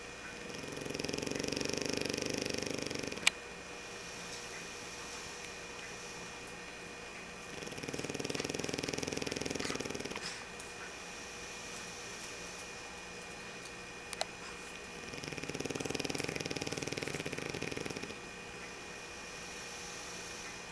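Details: Pug snoring while asleep: loud, rattling snores about every seven seconds, roughly eight a minute.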